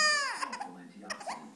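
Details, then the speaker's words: Infant girl during tummy time, which she doesn't like, gives a brief high tuneful cry falling into fussing, with soft adult talk and young siblings nearby in a small room: infant cry. "uhoh ok we better get ab we better get her yeah she doesn't like tummy"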